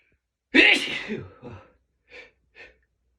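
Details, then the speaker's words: Morning allergy sneezing on waking with a tickly nose: one loud explosive sneeze followed by a few quick sniffs. "I keep feeling like Oh, like I'm going to sneeze. Sneezes. Oh my gosh, excuse me."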